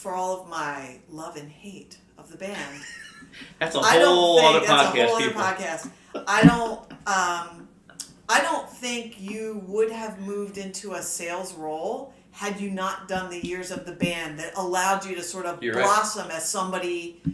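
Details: Adult speaker; normal speech.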